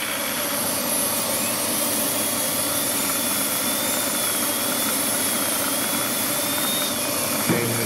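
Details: Live veneer preparation of maxillary anterior teeth in a dental student with a diastema, smile-design case: continuous high-pitched high-speed handpiece whine with water spray hiss while connecting depth grooves.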